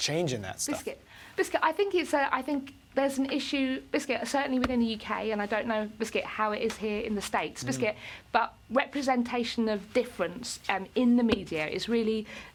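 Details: Adult woman with Tourette syndrome and involuntary vocal tics; her main word tic occurs up to 16,000 times a day, alongside other word tics and occasional swearing. Tourette syndrome vocal tics.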